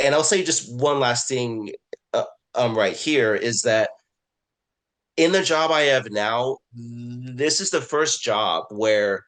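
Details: Adult man, a self-identified person who stutters, speaking in a webinar on stuttering at work; word repetitions and filler words are heard; stuttering.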